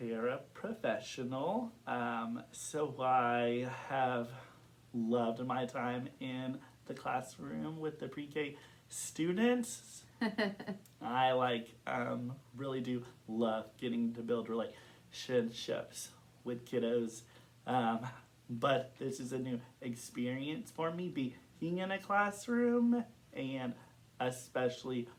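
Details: Adult man who stutters, with stuttering, speaking in an interview with a speech-language pathologist.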